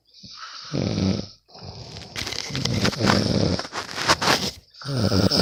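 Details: Sleeping friend recorded at night; loud rattling snores on inhalation separated by brief pauses; ordinary sleep snoring.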